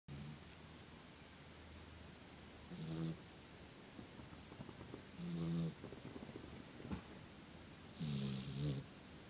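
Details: Low, rumbling snores from a sleeping dog about every two to three seconds over a steady background hiss.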